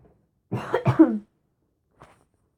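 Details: An adult gamer who apologizes for a hoarse voice and says they were cold gives a short burst of two or three rough, throaty coughs, then a faint sound: cough.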